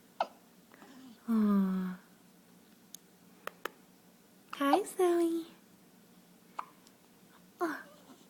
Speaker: Hey, so this baby have the hiccups.